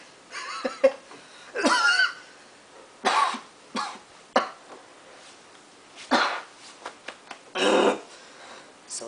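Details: An adult acts out stifled coughs and throat clearing while trying to hold a cough in: a string of short, muffled bursts in a small quiet room; cough.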